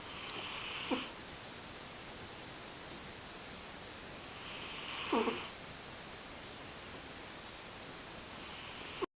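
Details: Soft, hissy snoring breaths about every four seconds over steady background hiss; snoring during sleep.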